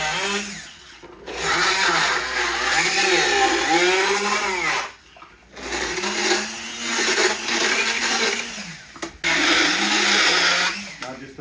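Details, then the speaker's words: Horse during a routine dental appointment, knocking tartar off the canine without cutting it down: a loud motor whine rising and falling in bursts, grinding against tooth with brief pauses; motorized equine dental float in use. "this tool is designed to take the tartar off the canine we're not actually cutting the canine down we're just gonna knock the tartar off"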